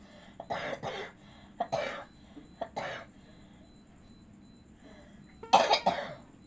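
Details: Simulated cough acted by an adult playing a sick pocong ghost who cannot travel home: several short, harsh cough bursts in small clusters with quiet gaps.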